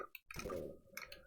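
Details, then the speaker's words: An adult man's stomach after eating ghost pepper chips, a brief, soft, wet squishing gurgle, with faint video game tones in the background: stomach gurgling (borborygmi). "That's my stomach gurgling as the heat travels down and is now hitting my stomach."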